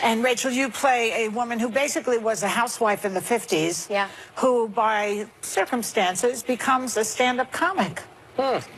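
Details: Adult woman speaking; normal voice.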